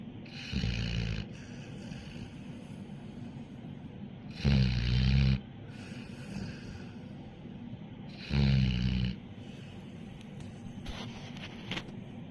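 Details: Dog snoring: loud, low rattling snores on inhalation about every four seconds, quieter breathing between; ordinary snoring.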